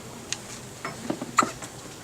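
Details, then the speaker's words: Infant hiccups right after a diaper change; baby described as prone to hiccups: soft, brief hiccup sounds in a quiet room with small breathy noises between them. "has the hiccups as he is prone to do"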